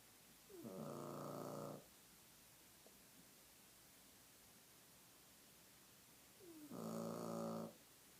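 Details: Sleeping pet snoring loudly: two long, rattling snores about six seconds apart, with quiet room noise between.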